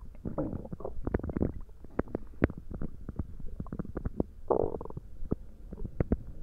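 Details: Stomach gurgling during a tummy ache: repeated bubbling, popping gurgles and low rumbles from the belly; loud bowel sounds (borborygmi).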